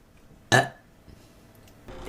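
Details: Girl streamer burping during a stream: a single short, loud belch in a quiet room.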